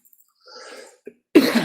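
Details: Cough during a live stream from someone with a cold: a faint breath and a small throat sound, then a strong harsh cough onset at the end.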